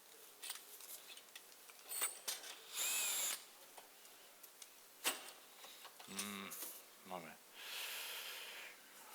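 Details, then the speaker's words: Surgical power drill driving a smooth non-olive wire into the tibia while building an Ilizarov frame to correct an angular tibial shaft malunion deformity: short high-pitched whirring bursts with clicks and voices. "and now we use a wire non Olive wire for now simple smooth wire okay I hope you see it system"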